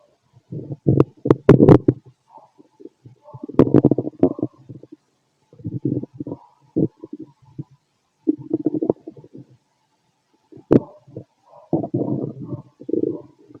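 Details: Stomach growling heard through a stethoscope over the abdomen of a fit adult male: repeated low gurgling, rumbling bursts with quiet gaps between them; normal bowel sounds.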